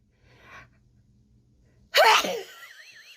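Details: Young woman sneezing during a COVID-19 nasal swab test, swab in the nostril: a quiet breath, then one loud explosive sneeze with a brief voiced trail.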